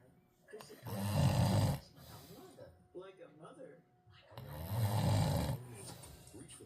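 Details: Heavy snoring: two loud, rough, rumbling snores about four seconds apart, with quieter breathing and background talk between them.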